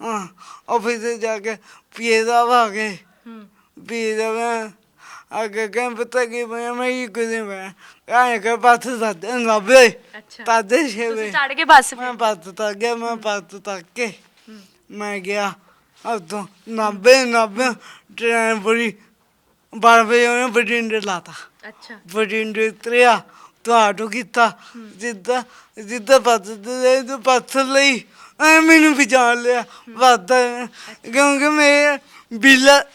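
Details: Young Sikh man with a disabled hand and a speech problem since birth; his mother cannot speak or hear; stammering with unclear articulation.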